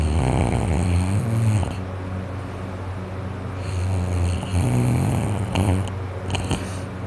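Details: Person with a cold, nose and throat very congested, asleep: loud, rough, rumbling snores with snorting, fluttering breaths; snoring with nasal congestion.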